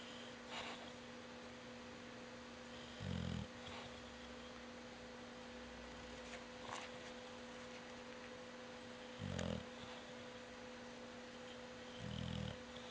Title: Rooney snores with eyes open